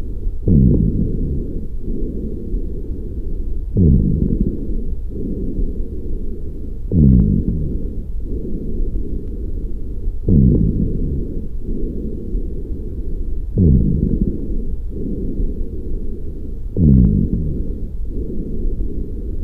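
Repeated breaths at about 18 a minute, each starting with a brief musical whistle as air is drawn in.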